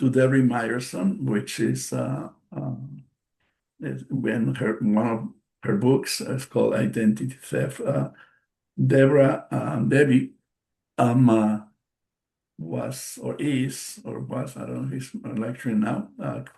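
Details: Post-stroke aphasia in a male stroke survivor, a non-native English speaker presenting in English; audible word repetitions and self-corrections; aphasia.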